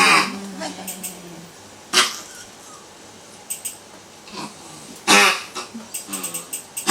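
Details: Small dog weighing 2.40 kg with primary tracheal collapse, day 660, sudden severe stridor: loud, harsh, honking breath noises in bursts.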